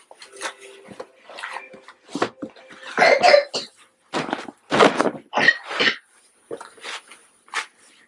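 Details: Young child in diapers with a cold, soon to be given children's pain reliever: a string of short, harsh coughs. A cough with a cold.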